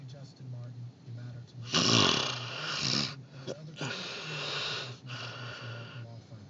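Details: A sleeping adult at an oilfield makes noisy, rasping snoring breaths with loud, rough inhalations over a low background hum; snoring.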